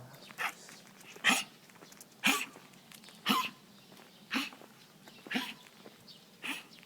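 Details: Dog coughing: about seven harsh, honking, hacking bursts, roughly one a second, with gagging and retching, as if something were stuck in the throat; a cold is mentioned.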